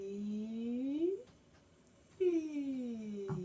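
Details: Woman, professional band vocalist with a vocal cord polyp, one week before polyp removal surgery after about a year of voice therapy; upward vowel glide where the top of the range vanishes; reduced upper vocal range with breathy voice.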